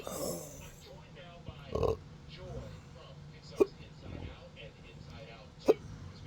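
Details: Hiccups with burping in a person who calls it a disabling rare medical condition: three abrupt, brief hiccup sounds spaced a couple of seconds apart, with soft burping and room noise between them.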